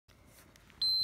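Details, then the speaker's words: Quiet room, then a sharp high-pitched electronic beep: an Infinity enteral feeding pump alarm signalling no flow. "it's saying no flow on the new machine"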